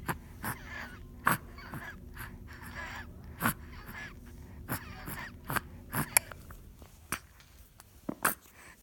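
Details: A 6-month-old infant on day two of wheezing, recorded February 2018: noisy, rasping breathing with a faint musical whistle, consistent with wheeze, with sharp clicks in the background.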